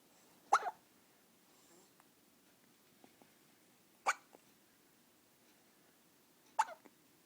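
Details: 14-day-old infant after being fed: three sharp, brief hiccup sounds spaced a few seconds apart in a quiet room, infant hiccups.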